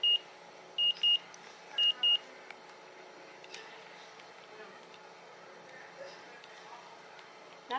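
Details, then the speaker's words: Neulasta Onpro on-body injector, applied after chemotherapy to raise blood counts, starts dispensing: short high-pitched electronic beeps in pairs, several in the first two seconds, then quiet room noise. "the worst is the unknown is coming oh nothing yet here goes beeping it's beeping"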